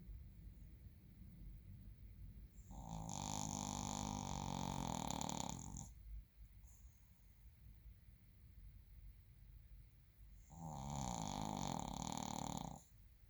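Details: Snoring from a sleeping Shih Tzu dog.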